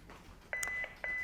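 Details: Defibrillator beep: short electronic beeps followed by a steady high tone from a defibrillator in a quiet room, during a veterinary CPR demonstration reviewing defibrillator use for resuscitation.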